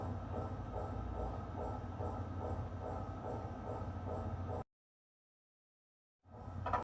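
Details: MRI scanner noise: loud, rapid rhythmic gradient knocking at about four pulses a second over a low hum, then a pause and a rising return.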